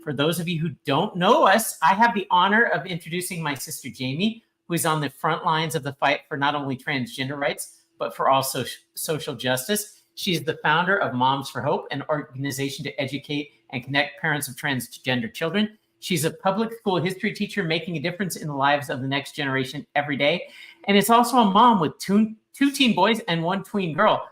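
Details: Adult woman speaking; normal voice.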